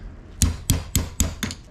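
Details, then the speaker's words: Five sharp metallic taps in quick succession: surgical mallet striking an osteotome to loosen a bone graft block during tendon graft harvest. "Og så gør man det samme med med graften her. Man banker den løs"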